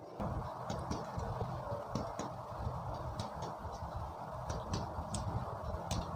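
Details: Chest percussion on a person during a respiratory physical exam: a series of short, sharp finger taps on the chest, compared to judge whether the percussion note is normal or abnormal, over a low room hum.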